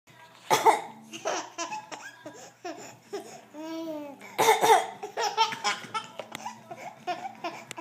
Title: Funny Baby, coughing humor